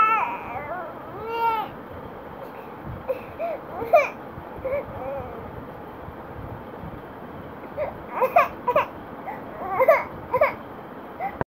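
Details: Short bursts of infant crying and whimpering separated by quiet gaps, with some room noise in the background; infant crying.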